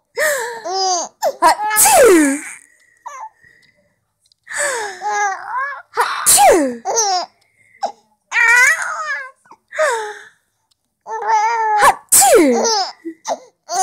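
Several abrupt sneezes from an adult, each answered by an infant's bursts of giggling laughter.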